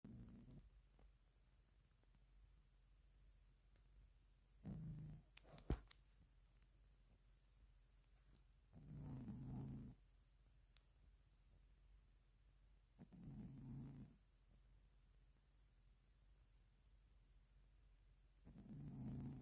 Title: hunny snoring volume o